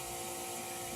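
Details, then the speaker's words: Suction machine in a simulation lab running loudly before a tracheostomy suctioning demonstration: steady loud whooshing roar at full setting. "for the demonstration I'm going to turn all this loud noise off and we'll demo how to suction a tray"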